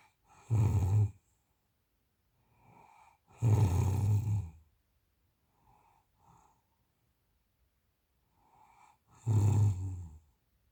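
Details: An adult snoring in sleep: three loud, low, rattling snores on inspiration with quiet breaths between, roughly every four seconds.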